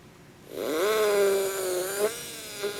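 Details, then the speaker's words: Motor whine rising then steady with dips under load: a 1.6 mm surgical drill with a 12 mm stop cutting a guided osteotomy for Zest LODI mandibular implants, in a benchtop demonstration using an Anatomage surgical guide. "keeping my osteotomy drill as parallel as possible and allowing the insert to cause guidance once it gets down into here"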